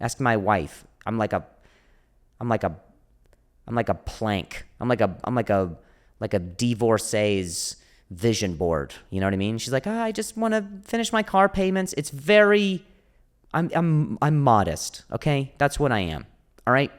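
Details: Adult male comedian who stutters; stuttering with repeated words.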